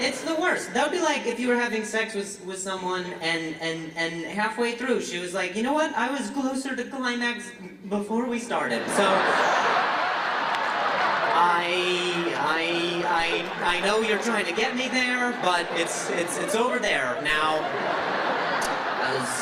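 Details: Adult male comedian in a stand-up performance who says he has stuttered for years since a softball injury; stuttering.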